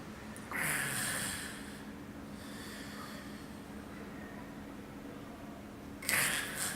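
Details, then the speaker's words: Agonal breathing (gasping) in a victim of cardiac arrest: two abrupt snorting gasps about five seconds apart with near-silence between; not true breathing. "gasping no agonal breathing is not true breathing do not confuse it with normal breathing the victim is in cardiac arrest"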